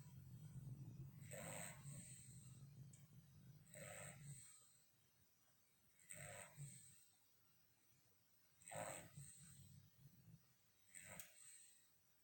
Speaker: Buster, Buster, Buster. Snoring, you're snoring.